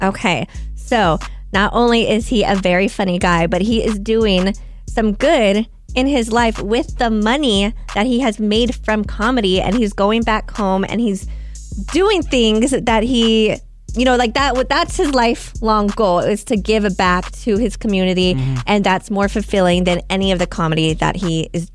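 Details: Adult woman speaking; Normal speech.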